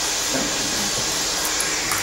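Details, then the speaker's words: Hearing-aid sound generator demonstration for tinnitus relief in a lecture: steady, even hiss of white noise, weighted equally across frequencies, then narrow-band variants, with changing intensity. "quello pesato su tutte le frequenze uguali Questo è un rumore bianco a banda stretta sentite come cambia l'intensità e questo è un rumore bianco su due diverse bande quindi uno davvero può creare il rumore che più dà sollievo al paziente"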